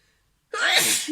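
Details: A short silence, then one loud, explosive burst of air; a single ordinary sneeze from a sneezing compilation.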